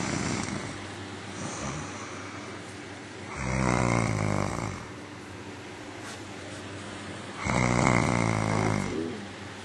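Two rough, fluttering snores about four seconds apart over steady background noise; regular snoring.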